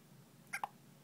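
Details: Baby girl with hiccups while making faces, smiling and frowning: a single faint, brief catch of breath with a small squeak in a quiet room.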